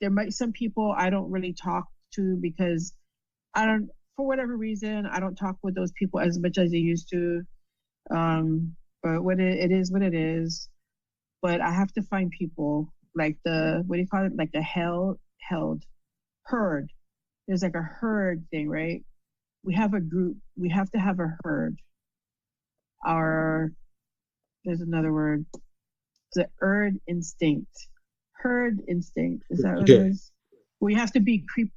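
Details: Adult female with aphasia after a stroke; she reports trouble saying the right words and understanding speech, and finds typing and writing easier.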